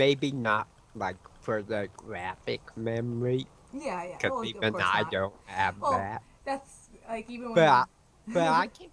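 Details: Speech disfluency with word repetitions in an adult male with autism and a self-described speech impediment; he says words break up and repeat mid-sentence, usually when his mind has wandered.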